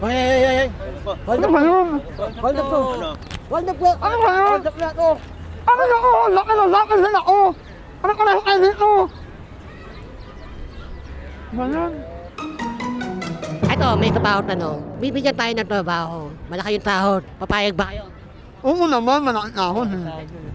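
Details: Young Filipino man, self-described 'ngongo' (nasal-voiced), with palate (ngala-ngala) surgery in childhood and late speech development; hypernasal speech (repaired cleft palate).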